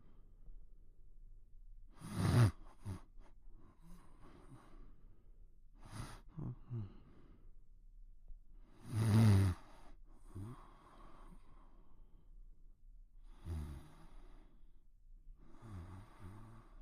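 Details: Cartoon snoring (Pink Panther, quiet): slow, irregular snorting breaths with low rumbling and hissing, about nine a minute.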